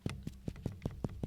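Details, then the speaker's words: Finger percussion over the chest: rapid, even taps give a hollow, resonant note above, and the sound changes lower down. "how that's hollow? If I go down here, different sound. Up, down. So I knew she was filling up at a certain rate, and I'm looking at the watch going, she'll drown soon."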